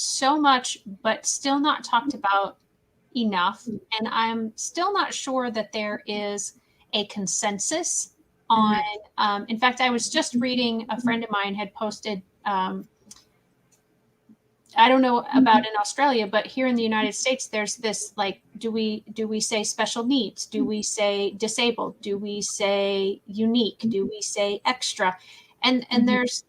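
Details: Adult woman speaking; typical speech.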